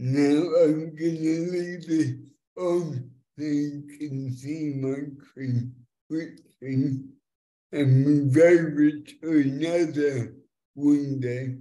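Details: Adult man with cerebral palsy since birth affecting fine motor control and speech, after years of speech therapy, demonstrating a speech-recognition web app; finding: dysarthria.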